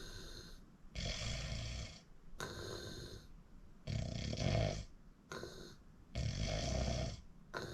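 Loud, rough, rumbling snores repeat in a steady rhythm through the stretch, about 45 a minute, in a quiet room.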